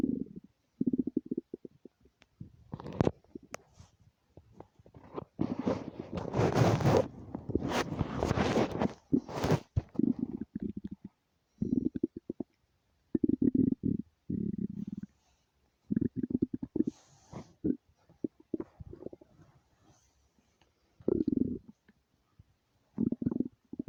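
Irregular low gurgles and rumbles from the abdomen, ordinary stomach rumbling from gas and fluid moving through the gut.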